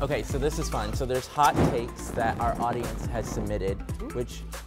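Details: Adult male narrator; Normal speech.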